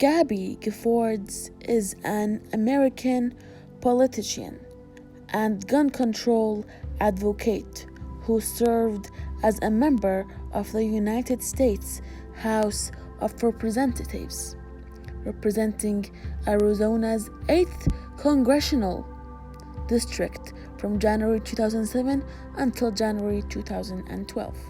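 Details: Adult female narrator; no disorder.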